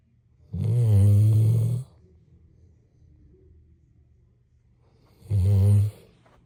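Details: Snoring: two loud, deep, buzzing snores about five seconds apart, separated by quiet breathing.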